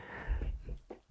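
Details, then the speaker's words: Dog sneeze: a short, forceful nasal snort-like burst in a quiet small room with some low rumble. "Bless you, Obi. Obi sneezed."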